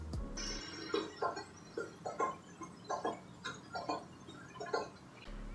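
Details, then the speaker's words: Demonstration of a third heart sound: a repeating three-beat rhythm with an extra soft sound just after S2, a galloping cadence known as ventricular or protodiastolic gallop (S3 gallop). "la secuencia de r1 r2 y r3 tiene una cadencia similar a la del galo de un caballo por eso se le conoce como galope ventricular o galope proto diastólico"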